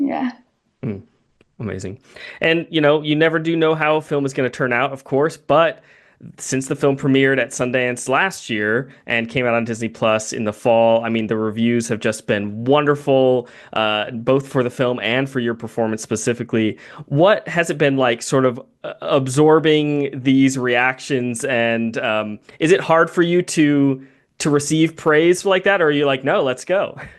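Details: Adult speaker; normal speech.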